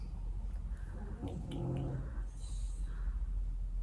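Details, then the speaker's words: Loud, low, rumbling, fluttering snoring from a friend's dog asleep in a quiet room, described as terrible snoring. "Masakra jak on Chrapie"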